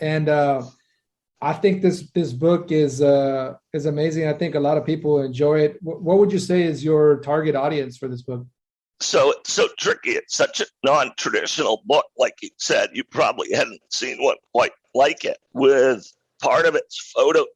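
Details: Adult male with a rare neurological voice disorder acquired in 2012 that made speaking difficult, still audible today, with choppy, strained voicing: neurological voice disorder.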